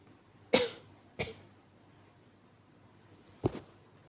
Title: [男性向] 弱い咳 weak cough